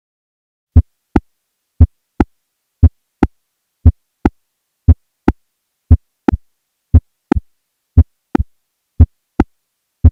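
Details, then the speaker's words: Mechanical aortic valve (AVR) click in a patient with a mechanical aortic valve: slow regular heartbeat about 58 per minute, a sharp metallic click replacing the second heart sound. "I'll give you an example of a mechanical AVR click first I'll play a normal S1 and S2 so those sounds are fresh in your mind for comparison now here is a patient with a mechanical aortic valve"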